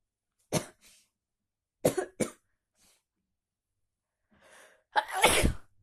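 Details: Person with a bad cold gives several sharp, explosive sneezes, the last after a quick indrawn breath.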